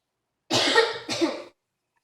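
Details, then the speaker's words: Two forceful, harsh coughs in quick succession during a panicky coughing bout in a person who then used an inhaler and says they feel faint; coughing fit. "feel like I'm gonna faint after that. I need to stop coughing right now. I feel like I'm gonna faint."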